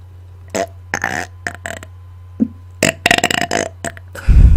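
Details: A run of loud, deep voluntary belches in quick succession, some drawn out like talking burps, made on command after dinner into a microphone; belching.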